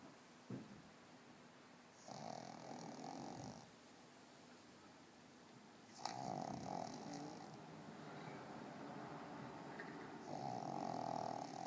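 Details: Cozmo, a 13-year-old pug, snores in long rasping breaths with quiet pauses between louder snores, twitching in sleep after a big walk; snoring.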